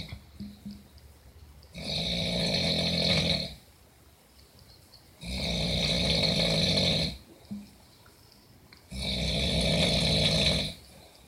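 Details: Loud snoring: three harsh inhaled snores about every three and a half seconds, roughly 17 a minute, with quiet gaps between.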